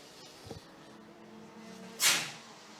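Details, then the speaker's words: A single sharp, hissy sneeze that fades quickly, from a commentator during a live kart racing broadcast, over a steady background drone of engines. "bless you thank you you know when I did that hand gesture that was you Phil I'm gonna sneeze but you can still hear the sneeze thank you"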